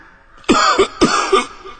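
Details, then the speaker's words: An adult man gives two quick, harsh cough bursts, each with a second catch, acted in a cough syrup advertisement: a simulated cough. "बाबा क्या नाम दिया है? खांसी की छुट्टी।"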